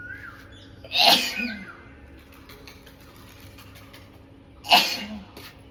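Two forceful, hissing sneezes a few seconds apart against quiet room noise.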